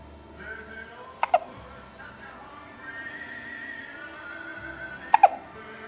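Two short, sharp, voiced catches about four seconds apart over faint background music: hiccups.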